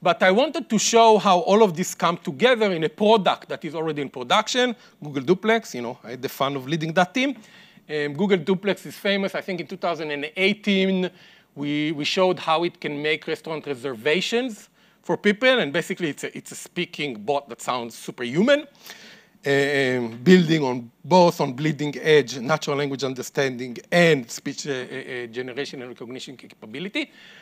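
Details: Adult male speaker; ordinary speech.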